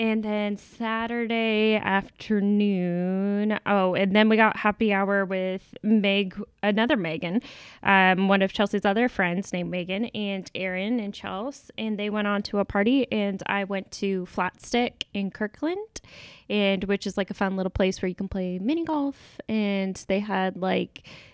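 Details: Adult woman; ordinary speech.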